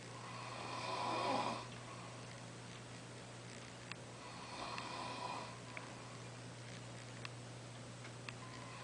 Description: My roomate snoring!